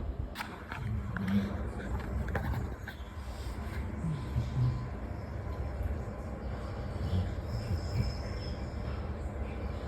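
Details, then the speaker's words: Dog in deep sleep snoring: low, rumbling snores recurring about every three seconds against steady background noise. "எங்க சாச ஆழ்ந்த தூக்கத்துல இருக்கு. என்ன மாதிரி குரட்ட விட்டுட்டு இருக்குன்னு நீங்களே கேளுங்க."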